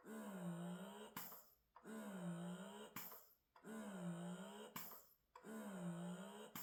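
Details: Steady repeating motor cycle, a humming whine that rises and falls then briefly releases, about 33 cycles a minute, from a wearable breast pump during noise testing: average 39.8 dB, max 54.4 dB.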